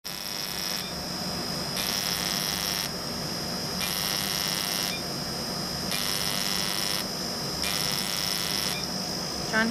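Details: Filipino male's second Active FX fractional CO2 laser treatment for facial acne scars, at slightly stronger settings: repeated high buzzing bursts about one second on, one second off, over a steady hum as the laser fires in linear passes.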